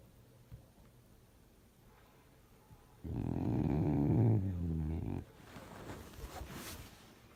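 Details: A sleeping dog snoring: one loud, rattling, fluttering snore lasting about two seconds, then softer snuffly breathing in a quiet room.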